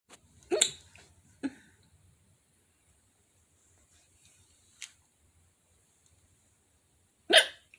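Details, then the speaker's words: A person with a short bout of hiccups after not having them in a long time: sharp, abrupt hiccup bursts, about four in eight seconds, at irregular gaps in a quiet room. "Oh my goodness, did I stop hiccuping? Are my hiccups done? Don't count your hiccups before they hatch."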